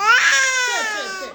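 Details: Infant crying right after a vaccine injection: a single loud, high-pitched wail that slowly fades, typical pain cry, with a caregiver soothing in Tamil.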